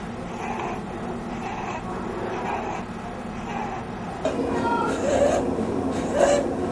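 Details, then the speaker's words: Rapid breathing in children with a high musical whistle on each breath out, heard close to the mouth or by stethoscope: expiratory wheeze in children brought with cough or difficult breathing. "Listen to the sound as these children breathe out. The we sound is often described as a musical sound made as the child breathes out."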